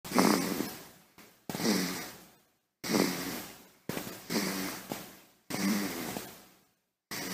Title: Baby snoring | Royalty Free Sound Effects